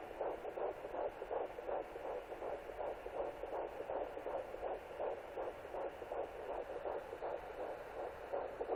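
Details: Rapid, regular whooshing fetal heartbeat at about 160 beats per minute at 11 weeks 0 days of pregnancy, recorded with a Sonoline B pocket fetal Doppler.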